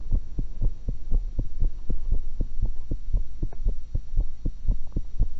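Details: Own heart recorded through a stethoscope while eating an apple and a cucumber: steady, evenly spaced low heartbeat thumps over a faint hum; heartbeat.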